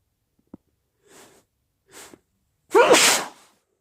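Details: Two soft sniffing breaths in, then one loud explosive sneeze from a person with a head cold.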